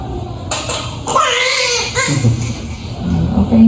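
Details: Newborn baby boy just after a normal vaginal delivery, born nine years after his sibling: a vigorous wailing cry that rises and falls over room noise and background music.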